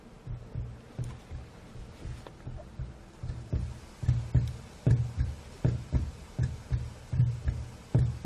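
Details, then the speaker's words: Normal heart sounds from separate recordings at several chest positions, aligned and processed: regular low thumps around 77 a minute, with the second heart sound slightly separated after processing. "so so that's one of the standard heart sounds after processing we were able to get a little bit where you should be able to hear the second heart sound separated a little bit from there"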